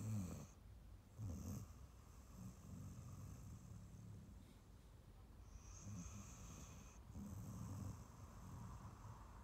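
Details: Adopted female Staffy Ridgeback rescue dog, born 2012, sleeping on a sofa after a long walk and big meal: soft, low, rumbling snores with snuffly breaths over faint room hum.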